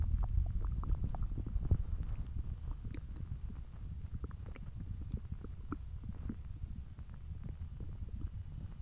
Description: I know this video is a little short but I do plan on uploading a longer video within the next day or two, anyways here’s my hungry belly!